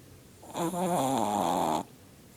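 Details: Chihuahua snoring really loud, at times with eyes open: one loud, drawn-out buzzing, whining snore lasting just over a second in a quiet room.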